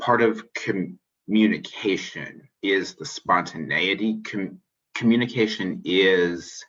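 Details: Adult man who describes himself as a person who stutters, speaking spontaneously in a podcast interview; finding: stuttering.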